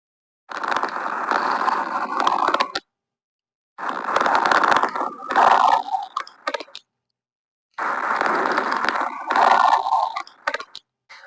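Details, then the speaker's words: Auscultation teaching recording, e.g. bronchiectasis: three noisy breaths about 15 a minute, full of low bubbling popping crackles like air blown through a straw into water: coarse crackles. "तो sound produce होगी वो ऐसे रिजल करेगी जैसे अपन ने एक water field glass में air block किसी स्ट्रो के थ्रू तो जो बबल्स की जो साउंड होगी जो यह बबलिंग साउंड हैल करती है कोर्स क्रेपिटेशन से मैं आपको एक कोर्स कपटेन का उसक सुनाता हूं"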